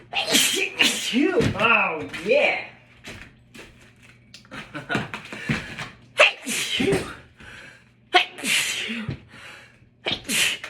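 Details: Person at work, not wearing a mask: several sharp, explosive sneeze bursts in a row, with brief voiced intakes, talk and laughter between them; repeated sneezing.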